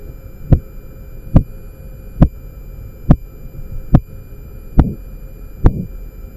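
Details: Korotkoff sounds during a home blood pressure check with a sphygmomanometer: regular, sharp tapping pulse sounds at about 71 a minute, heard through a stethoscope over the brachial artery as the cuff deflates.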